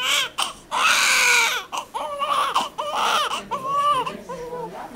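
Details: Loud, high-pitched bursts of crying from a newborn baby boy only a few minutes after birth, during weighing and measuring, with brief pauses for breath; a strong, vigorous normal newborn cry.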